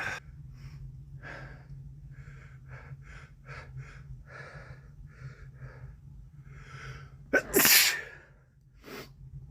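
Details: Male with a common cold: a series of soft sniffs and nasal breaths, then one loud sneeze and a faint sniff, over steady room hum.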